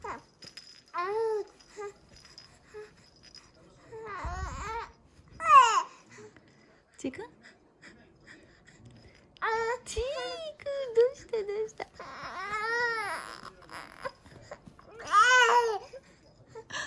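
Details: 99-day-old baby boy: repeated short squeals and babbling cries rising and falling in pitch with quiet gaps; ordinary infant fussing and vocalizing, reportedly liking mother's sneezing more than toys.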